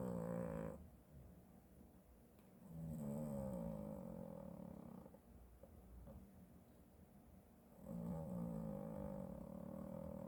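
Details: Sleeping cat's everyday snoring, unedited audio: loud, rough, rattling snores in slow breathing cycles with quieter gaps.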